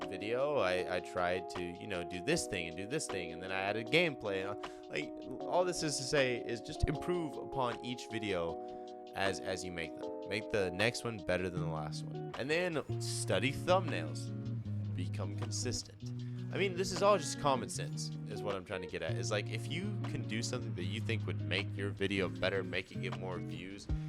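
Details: Stuttering in a male speaker who says he stutters a lot; the clip has audible word and part-word repetitions.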